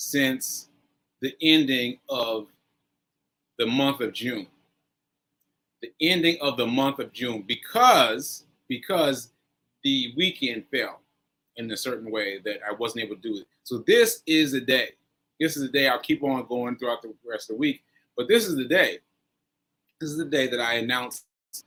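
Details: Aphasia in a man recovering from a stroke on 7/14/22, recorded nearly a year later (7/4/23); he says aphasia made working out numbers difficult.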